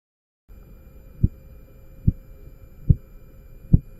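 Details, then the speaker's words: Korotkoff sounds during cuff blood pressure measurement, in a practical teaching demonstration: four soft, regular tapping thumps at about 71 per minute. "recuerda que debes de conocer y escuchar y aprender a poder interpretar los cinco ruidos de korotkov"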